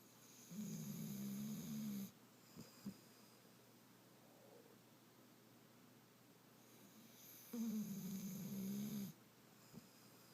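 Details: Two long, low, fluttering breaths about six seconds apart, with soft clicks between them, from a sleeping puppy; snoring.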